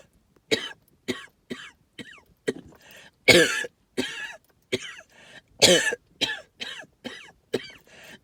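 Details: Person with suspected tree pollen and mold spore allergy: about a dozen short, dry hacking coughs in a row, with lots of wheezing and a whistling edge on some; hacking cough with wheeze.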